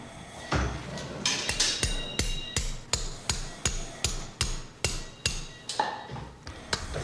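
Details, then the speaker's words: Real leg-lengthening surgery on an 11-year-old girl with achondroplasia after both external fixators are fitted: about 18 sharp hammer strikes, roughly 167 a minute, as a chisel breaks the tibia (osteotomy). "so now we've got both fixators on and the last stages of the operation are to break the tibia bone which we do with a surgeon"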